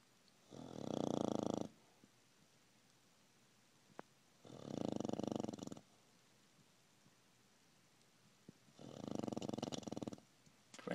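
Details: A 16-year-old deaf dog sleeps deeply without waking and snores, with three long, rumbling, rattling snores about four seconds apart in a quiet room; the owner says the snoring gets louder each night.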